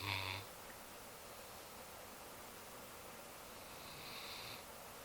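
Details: Sleeping Newfoundland dog, sacked out in a strange position after a long weekend of yard work: a short rumbling snore, then a fainter rasping snore about four seconds later over quiet room hiss; snoring.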